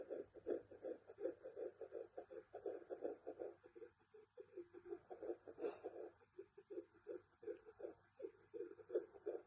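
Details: Fetal heartbeat at 11 weeks of pregnancy on a Sonoline fetal Doppler: rapid rhythmic whooshing pulses about 160 a minute, normal.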